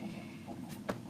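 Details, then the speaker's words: Adult who has skipped dinner and says she needs to eat: brief, low, warbling stomach rumble, ordinary hunger growling (borborygmi). "hear that that's my stomach ruffled okay i think i need to eat i probably should have eaten dinner"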